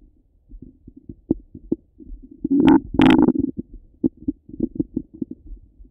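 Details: Active bowel sounds heard through a stethoscope over the abdomen: gurgling, bubbling rumbles with short pops and two louder drawn-out gurgles.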